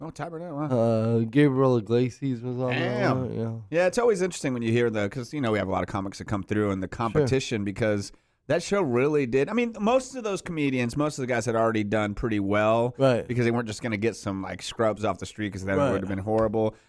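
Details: Adult male speaker; typical speech.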